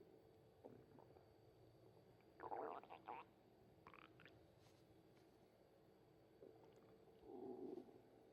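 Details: Tabby cat's stomach noises: gurgling, bubbly rumbles in brief bursts over a quiet, hissy background; ordinary bowel sounds (borborygmi).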